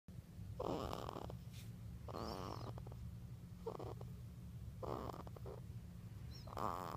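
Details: Short, rattly snores about every one and a half seconds over a steady low hum; snoring.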